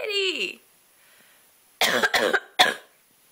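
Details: A cat meows in protest, then an adult gives a few sharp coughs after a brief pause: cough.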